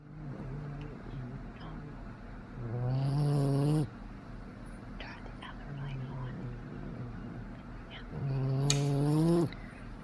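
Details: A 10-week-old boxer puppy, exhausted after a play date, sleeping with loud buzzing snores on each in-breath, two in ten seconds, and softer rasping breaths between: snoring.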